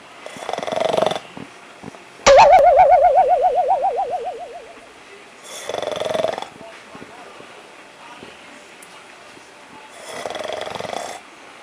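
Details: Snoring during sleep: rough, noisy breaths recurring about every five seconds, near 12 a minute, with one brief wavering tone in between.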